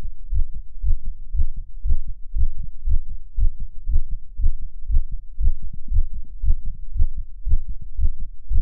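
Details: Rapid, regular paired thumps of a male heartbeat, about 120 beats a minute, low rumble between beats, recorded for ASMR; fast heartbeat.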